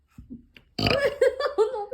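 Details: Baby boy's burp: after a couple of soft sounds, a drawn-out voiced burp with a few gurgling pulses.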